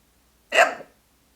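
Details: Woman hiccuping after choking on a sip of water: a single short, sharp voiced gulp lasting under half a second, one hiccup.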